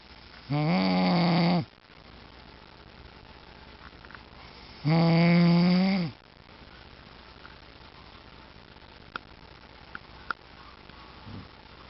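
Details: Adult man (the poster's dad) snoring while asleep on the couch: two loud, low, rattling inspiratory snores separated by quiet breathing pauses in a still room.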